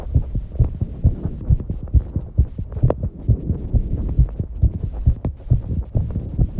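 Strong, fairly regular heart thumps at about 130 a minute, faster than at rest; a fast heartbeat after exercise.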